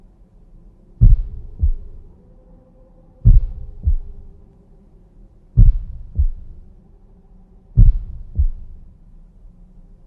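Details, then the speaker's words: Normal heart sounds, S1 and S2, at a slow regular pace: a longer, lower first sound, then a shorter, higher second sound, heard most clearly at the base over the pulmonary and aortic areas. "este segundo ruido se adjunta con más claridad en la base del corazón los cuales son el foco pulmonar y el Ártico normalmente este ruido se describe como un es más corto y más agudo que el primero"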